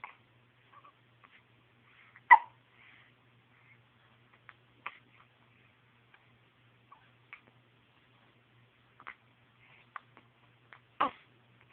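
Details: Baby with hiccups: brief, sharp gulping catches repeating every one to two seconds in a quiet room, a run of hiccups.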